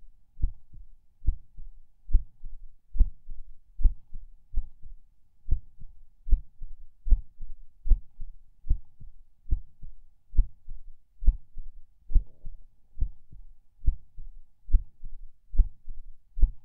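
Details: Person lying in bed falling asleep, feeling every beat and skip; heartbeat about 70 a minute, uneven rhythm with occasional early or dropped beats, unsure if PACs; distinct split S2 noted.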